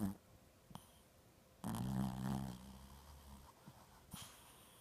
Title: Tilly snoring